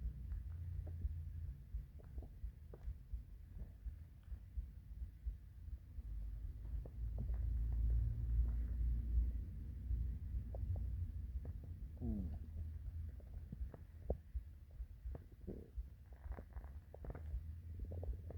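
Low rumbling and gurgling with a rising squeak partway through: hunger stomach growling, an ordinary bowel sound.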